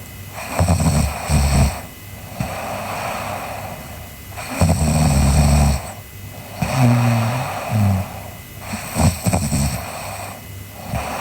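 Rhythmic snoring at about 15 breaths a minute, with a low fluttering rumble on each breath and a steady background hum.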